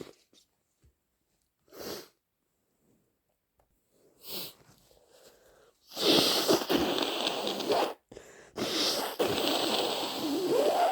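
Two sneezes, then loud wet sniffling and nose blowing. Repeated sneezing with a congested nose.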